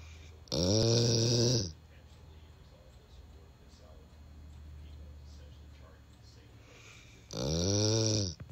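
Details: Two loud, rasping, drawn-out snores several seconds apart with quiet breathing between, from a sleeping 3-year-old female yellow Labrador in her usual position; ordinary loud dog snoring.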